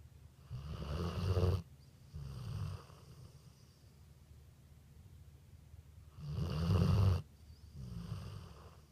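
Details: Sleeping dog snoring: deep, rumbling snores in paired bursts with quieter breaths between; ordinary snoring.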